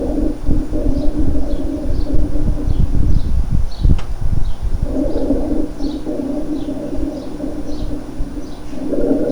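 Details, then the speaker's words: Cavernous rales over a lung cavity: low, coarse gurgling large bubbles with a resonant sound, like blowing through a straw into water; patients typically have a history of possible active tuberculosis with cavities. "es más o menos ese ruido el ruido que se genera cuando soplamos con una pajilla delgada dentro de un vaso de agua vamos a escuchar estos sectores cavernosos o gorgoteo o de grandes burbujas escuchan un ruido resonante escuchen las burbujas"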